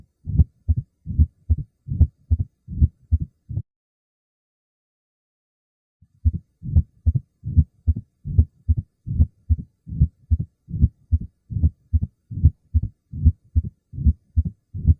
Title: Heart sound || Mitral Stenosis and Tricuspid Stenosis